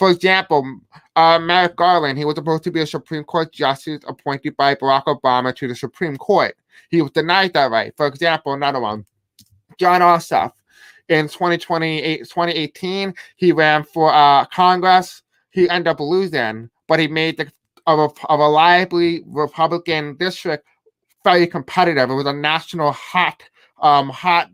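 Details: Male speaker who self-reports a deaf accent and difficulty pronouncing certain words; deaf speech (deaf accent).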